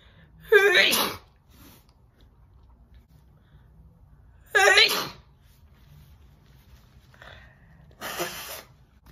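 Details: Big, wet sneezing from a woman, who says she provokes her sneezes by affecting her nose.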